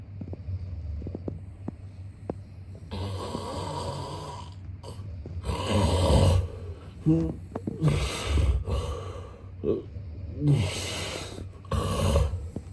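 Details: Snoring sound-effect recording of a sleeping man: loud, deep rattling snores every couple of seconds with quiet gaps between.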